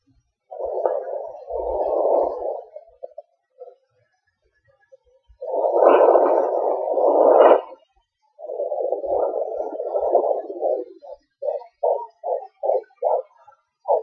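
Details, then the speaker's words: Home fetal Doppler at 18 weeks 4 days of pregnancy, laptop recording, baby moving: whooshing gives way to a fast, regular galloping pulse near the end; fetal heartbeat. "so uh that's my my my baby's heartbeat I hope you guys can hear"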